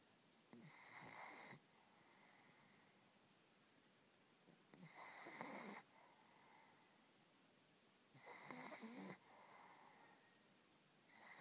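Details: Three noisy, rattling breathing-in snores at about 18 a minute, with quieter breaths out between them, in a quiet room; a person whom the uploader thinks needs nasal strips.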